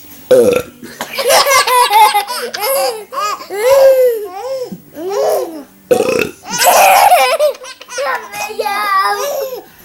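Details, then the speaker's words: Loud voiced belches mixed with laughter and giggling, several people laughing nearby, person burping repeatedly for fun; burping. "you burp too much."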